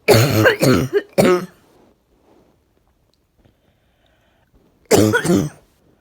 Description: Something stuck in my chest, feeling out of breath today. Sniffing & Coughing